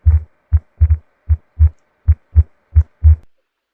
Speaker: Okay, finally, I'm ending this video with my intro where we'll hear the murmur. Can you tell me the name?